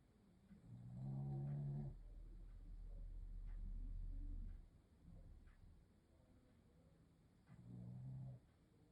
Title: Blue snoring